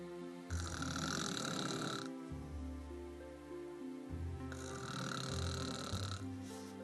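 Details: Wife's long-standing snoring during sleep: loud, rumbling, snorting snores with music playing over them throughout.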